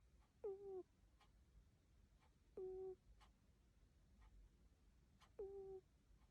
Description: Cat snoring really cute #cat